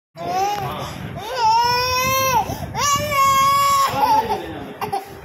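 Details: Loud, sustained cries from a baby girl in two long wails with gasping breaths between, typical of distress during a blood test procedure.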